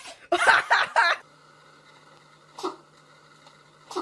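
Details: Cat or dog sneezing: a quick burst of small sneezes, then a quieter sneeze and the start of another, over a steady room hum.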